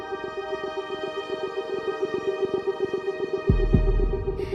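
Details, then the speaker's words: Simulated tinnitus, described as ringing, buzzing, hissing or wave-like and a possible risk of stapedectomy for otosclerosis: a steady droning tone with layered ringing overtones and a fast throbbing pulse. "some people describe it as ringing in the ears it can also be more like a buzzing or hissing sound maybe even like the sound of waves"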